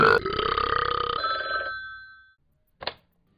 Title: Talking Ben scared Mike from burping.